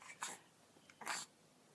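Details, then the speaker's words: Two short, abrupt breathy hiccups about a second apart from a 14-week-old baby boy being stood up, in a quiet room; infant hiccups. "usually you just stand there but these hiccups are making you"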